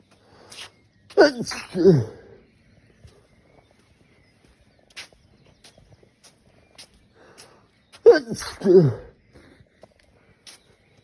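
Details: Two abrupt two-part sneezes several seconds apart, each a quick intake then an explosive burst, in a person walking home after a night out drinking alcohol, which nearly always triggers this; sneezing fit.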